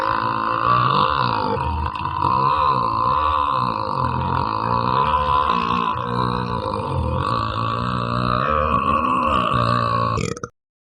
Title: Eructo superlargo (Efecto de Sonido) Burp Super Long Sound Effect